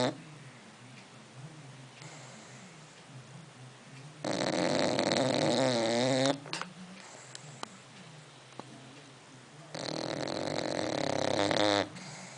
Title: Snoring